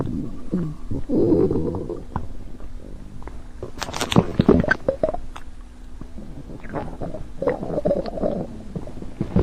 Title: v2 stomach growling